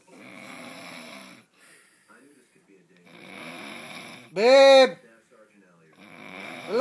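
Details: Rattling breaths through the nose and throat about every three seconds from a sleeping adult woman (wife), then a loud short voiced call; snoring with a spoken interruption.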